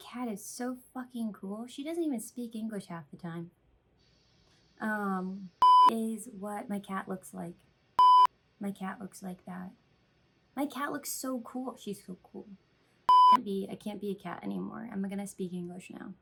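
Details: Woman with Tourette syndrome with vocal tics and coprolalia, a series of tic utterances: complex vocal tics with coprolalia (Tourette syndrome).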